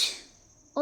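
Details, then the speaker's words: Acted adult sneeze: one sharp, hissing burst that fades quickly; a normal reflex clearing irritants such as dust, pollen or viruses from the nose. "There is no scientific evidence that sneezing before going out is a sign of bad luck or you should stop from your plans. It's a natural reflex that help your body to remove irritants like dust, pollen, viruses from your no"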